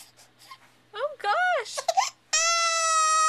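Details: 3-month-old infant startled by a sneeze: wavering voiced wails rising into a sustained steady cry; infant crying.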